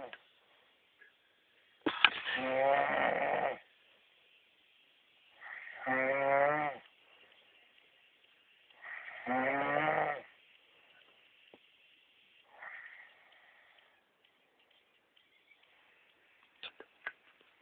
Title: le frangin en train de ronfler